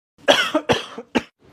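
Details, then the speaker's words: Acted adult cough in a Hindi husband-wife comedy skit: three short, harsh cough bursts, the last brief; the partner suspects an infection. "अरे क्यों आ रही है खांसी infection हो गया होगा"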